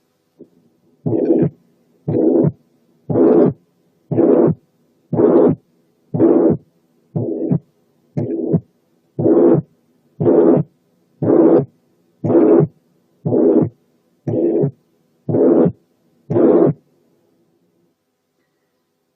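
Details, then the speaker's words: Tricuspid regurgitation heard over the tricuspid area, breath sounds filtered out: regular heartbeat near 59 a minute with a blowing pansystolic murmur that increases with inspiration. "تعالوا بقى نسمع بانسيستوليك ميرمر اوف ترايكاسبيد انكومبتنس مسموع على ترايكاسبيد اريا، ولاحظوا الزيادة مع الانسبيريشن."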